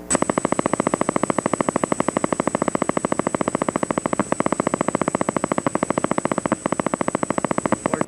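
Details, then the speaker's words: Fast, revving machine-gun popping from one motor unit at about 14–15 Hz without others joining; reduced recruitment on needle EMG. "you can hear the revving up sound it's fire and faster that's a little easier when you have one unit at 14 15 Hertz that's reduced improvement it's easier to recognize"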